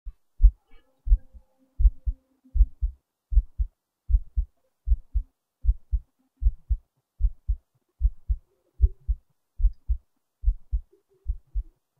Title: another heartbeat recording